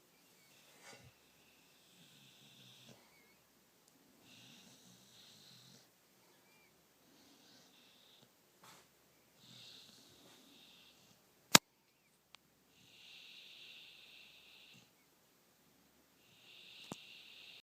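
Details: Woody, a sleeping dog, snoring: soft, whistling, airy snores repeating every few seconds, about six in the span, with a couple of sharp clicks.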